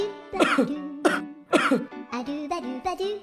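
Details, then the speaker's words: Three acted cough bursts from an adult over light background music, imitating a persistent cough; cough. "kok kamu dari tadi batuk terus sih Iya nih aku batuk terus dari tadi"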